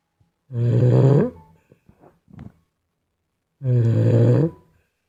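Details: Infant snoring: two loud, low rumbling snores about three seconds apart, each nearly a second long, with soft breath noises between them.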